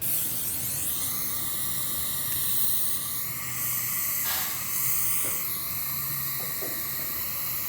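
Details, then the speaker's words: High-pitched whine of a dental implant pilot drill with hissing water spray, pitch dipping and rising, drilling through a stent into a very thin jaw ridge. "We'll then take the stent, and I'll take the pilot drill. It's going to see that angulation. Hold that tight. And my pilot drill should go right back into that hole that I made with a diamond."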